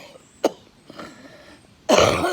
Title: Excuse the coughing at the beginning( I have asthma)